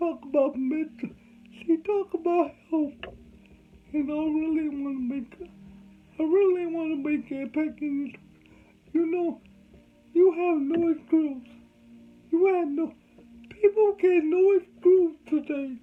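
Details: Adult man with cerebral palsy, whom doctors said would never talk; dysarthria (cerebral palsy).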